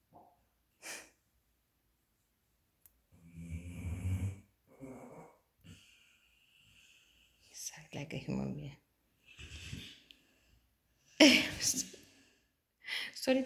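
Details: Sleeping, apparently dreaming female dog snoring louder than a man, with irregular snorting, wheezy breaths, nasal whistles and quiet gaps; noisy sleep breathing, snoring.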